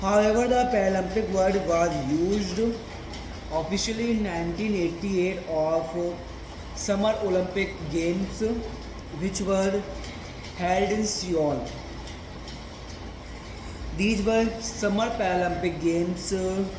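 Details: Male reading a passage aloud as daily stammering practice, with a word repetition: stuttering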